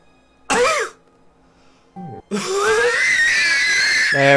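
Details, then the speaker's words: Recording of a streamer's own cough, described as from a non-COVID section and "a bit gross": a harsh cough burst followed by a long strained whistling sound. "Because the whole thing's a bit gross. But yeah, that was my cough."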